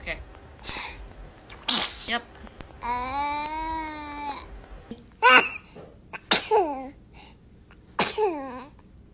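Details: Baby sneezing: several short, high-pitched sneezes with cooing and a brief cry between them; adult voices in the background.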